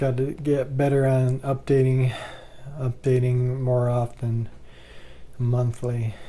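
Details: Adult man with bulbar ALS, 2 years 3 months after diagnosis, with swallowing problems attributed to throat muscle spasms and increasingly laboured breathing; he reports talking is getting harder and he cannot project his voice as much; dysarthria.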